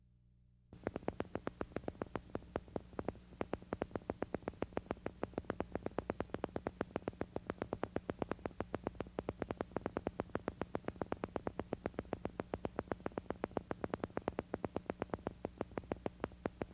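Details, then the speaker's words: Needle EMG of MUPs with varying amplitude: rapid regular clicking with pops changing loudness. This is typical of neuromuscular transmission disorders, but can also be seen in reinnervation after nerve injury and rapidly progressing ALS. "While mups with varying amplitude are characteristic of neuromuscular transmission disorders, they can also be seen in neurogenic disorders. The best examples are reinervation after nerve injury and rapidly progressing amotrophic lateral sclerosis. Watch and listen to MUPs with varying amplitudes."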